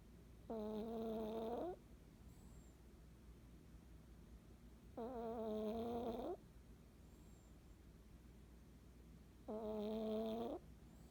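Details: Pet taking an afternoon nap: regular tonal, buzzing breaths about 13 a minute, each over a second long, with quiet pauses between; snoring during sleep.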